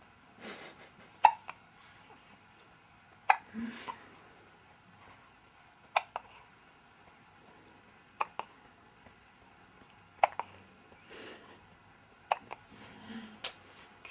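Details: Recurrent hiccups: sharp, brief clicking catches at irregular intervals, about six over fourteen seconds, each with a soft breath sound.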